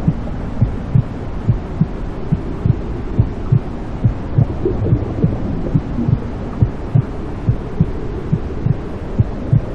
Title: Inside Womb Sounds For Newborn To Stop Crying and Sleep Peacefully